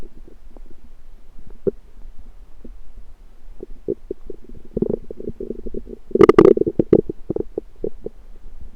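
Irregular gurgling and bubbling rumbles building to a louder burst, over a quiet low hum; ordinary stomach rumbling.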